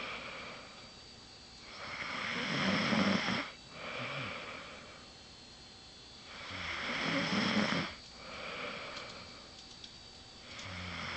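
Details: Female snoring very loudly: rough snores on each breath in, quieter breaths out, about 13 breaths a minute in a quiet room.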